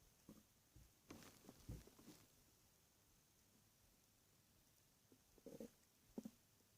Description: My stomach was growling in the night when i was laying in my bed.